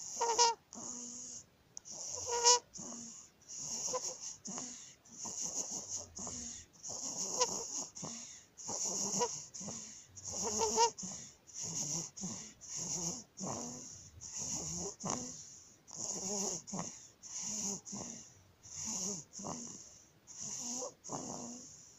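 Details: Rapid breathing in a 19-day-old newborn baby with a harsh, crowing noise on each breath in: inspiratory stridor from laryngomalacia.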